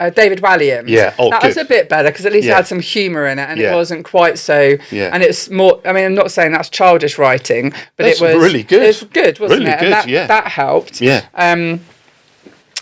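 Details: Adult woman; typical speech.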